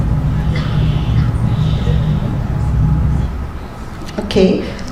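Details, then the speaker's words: Person snoring during sleep, shown in an obstructive sleep apnea talk: low rough rumble about three seconds, fading, then a brief snort; snoring produced by partial upper airway obstruction, faint room noise. "that's how this snoring sounds like and look like and you notice that was the end of the video this patient actually check out but that sounds yeah okay so slowing is actually produced sound is produced during sleeping due to a partial obstruction of the upper Airways"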